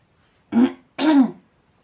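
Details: Harsh, voiced cough in two short bursts, or throat-clearing, in a quiet room, from a woman who says she has had a sore throat for about two weeks.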